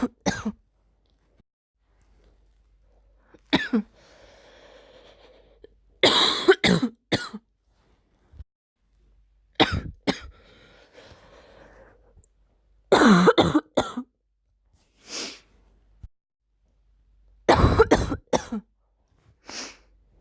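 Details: Several short, harsh adult coughs in brief clusters with quiet breaths between, after a week of sore throat and blocked nose; first coughing episode, slightly burning throat and chest; cough.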